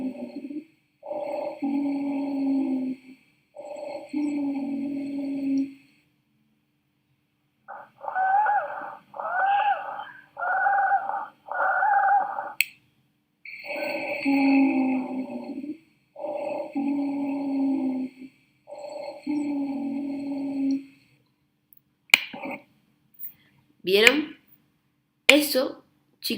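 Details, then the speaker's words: Teaching example of fine then coarse wheezes from narrowed bronchi or bronchioles in bronchospasm, contrasted with normal vesicular breath sounds. "es las cibilancias cuando tenemos una disminución de el bronquio. Bien. O bronquiólo. Ahora, ¿por qué? Porque ustedes si escuchan eso saben que hay un proceso de broncoespasmo"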